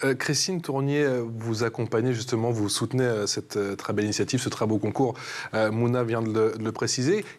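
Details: Adult man speaking French; no speech disorder.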